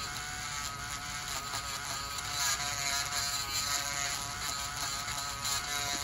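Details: Male dialysis patient with high blood pressure, severe suspected fungal toenail infection, samples sent to lab: steady high-pitched whirring buzz of a rotary podiatric nail drill grinding down thickened toenails.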